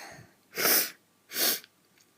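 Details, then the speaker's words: Two sharp, high-pitched hissy sneezes about a second apart in a run-down person who says their sneezes are weird at the moment; ordinary sneezing. "um so wow my sneezes are weird at the moment"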